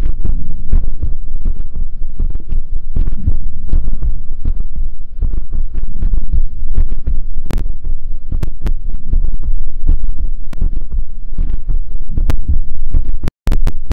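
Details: Heartbeat played for ASMR during a livestream, counted at 81 beats in one minute: loud, low, muffled booming thumps over a constant hum, with a few sharp clicks near the end.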